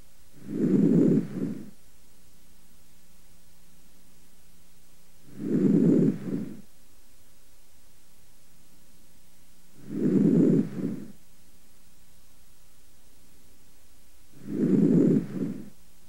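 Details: Posterior thorax auscultated with the stethoscope diaphragm while the patient breathes deeply through the mouth. Four soft, clear breath cycles at about 13 a minute: normal breath sounds.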